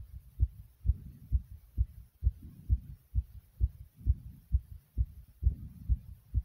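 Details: Heart pounding hard inside the chest: strong, regular, fast low thumps at about 130 beats a minute.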